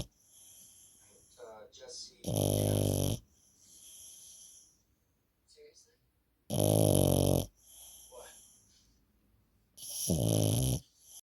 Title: Puppy snoring 😴 #subscribe #puppy #joinus #fyp #itsfree #foryou #viral #love